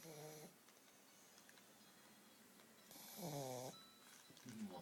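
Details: Sleeping puppy snoring: short, nasal, wavering snores with quiet pauses between them, in a quiet room.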